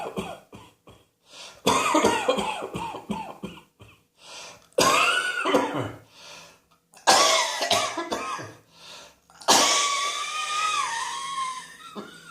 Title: Cross Dressing Coughing 112